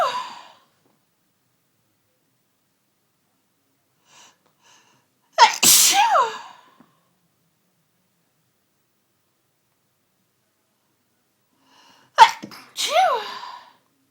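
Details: Sudden Sunday-evening sneezing fit that began within the last hour: two full sneezes, each a sharp intake and then a loud explosive burst with a falling voiced tail.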